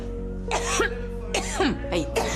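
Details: Simulated cough in an acted TV drama scene: three short, throaty adult coughs over steady background music; the scene depicts a woman coughing up blood.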